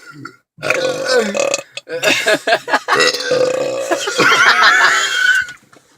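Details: Adult men deliberately burping in a car: several loud, drawn-out burps with talk and laughter between them in the small enclosed space.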